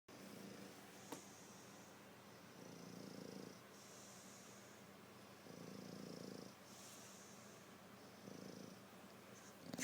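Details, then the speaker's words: Pet snoring while awake, exhausted after three days of playing with children; owner says he is fat and can barely breathe without snoring: slow, rhythmic rough breaths about a second each. "i never heard him snore while being awake before so tired"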